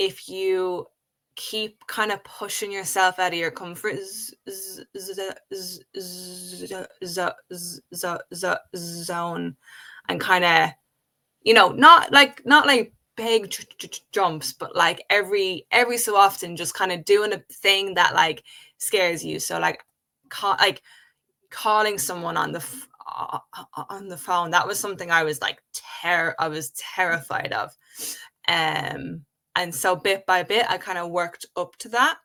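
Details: Adult woman with a real developmental stutter present since age five, speaking spontaneously in English conversation; stuttering with word and part-word repetitions.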